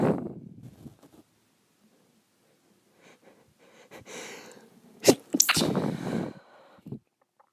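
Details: Woman recovering from illness, nose still itching, trying to stifle sneezes: a quick cluster of several sneezes, some stifled and some sharp and explosive, with brief breaths between them.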